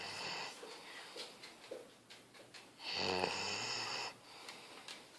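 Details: Small dog asleep: soft snuffly breaths, then one louder, longer rattling snore with a whistling edge; snoring.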